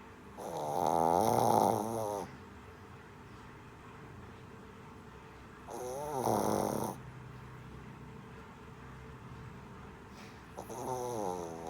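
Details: Sleeping Shih Tzu puppy snoring: three loud, buzzing snores at a steady pace with quiet breathing between them.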